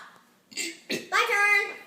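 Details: Father and son in a deliberate burping contest at the dinner table: a few short throaty bursts, then a longer drawn-out voiced belch; burping.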